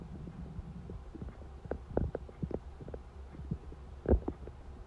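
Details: Hungry stomach at 4:30 am: low gurgling rumbles with bubbly pops and a louder surge near the end; borborygmi.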